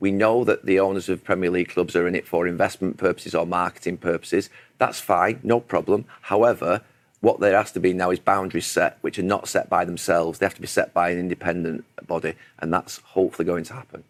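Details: Adult man speaking; Normal fluent speech.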